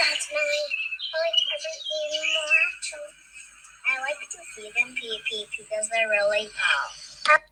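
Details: Girl about 4.5 years old diagnosed with selective mutism, in one of her first times speaking to a friend, during a playdate; mild stuttering in a child with selective mutism.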